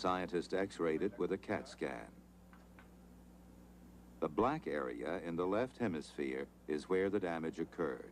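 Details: Adult male narrator; normal speech.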